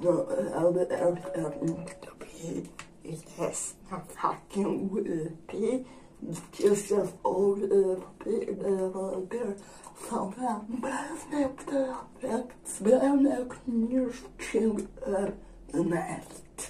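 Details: Woman with generalized dystonia; dysarthria in generalized dystonia.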